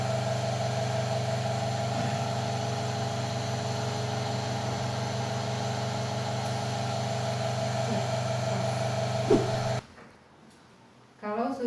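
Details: Steady droning motor hum of a suction machine, then abrupt stop, during a nursing procedure demonstration of oral suctioning in an infant or child; brief voice and background music.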